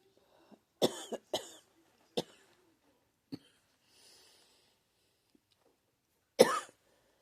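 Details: About six short, harsh coughs at irregular intervals from an adult who says doctors diagnosed pneumonia and that the cough hurts, in a quiet room; cough in pneumonia.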